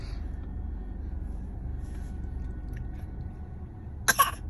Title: Faking her coughs #cutebaby #baby